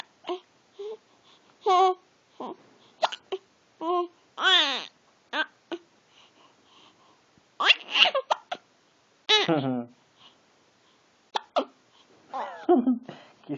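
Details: Infant hiccups: repeated short, sharp hiccup sounds mixed with squeals, giggles, laughter and babbling.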